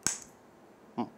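Two sharp, snapping clicks about a second apart: discharge of a magnetic stimulation coil held over the motor cortex for the hand.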